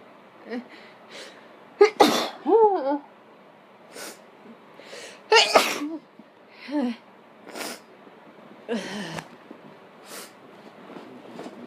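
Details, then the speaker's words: An adult sniffs pepper to trigger sneezes, giving three forceful, explosive sneezes with voiced tails, separated by quieter sniffs and breaths. Repeated sneezing. "so um I am sniffing pepper while trying to uh do some sneezes that one was kind of messy hold on woo we got a lot with that one"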